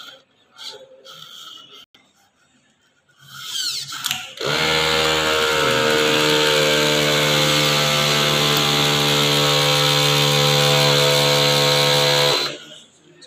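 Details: AI-driven adaptive ventilator project with a built-in oxygen concentrator, compressor and SMPS power supply, whole system switched on together: a click, then a loud, steady mechanical whine and hum for about eight seconds.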